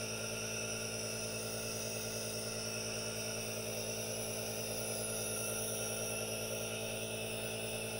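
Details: Aerosol nebulizer running continuously with no talking: steady mechanical hum with a continuous airy hiss, unchanging throughout.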